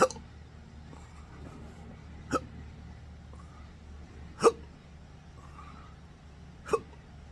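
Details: Intractable hiccups in an adult with a rare chronic condition since December 2015 after surgery with nerve damage: four sharp hiccups roughly every two seconds against steady low room hum, from involuntary diaphragm spasms.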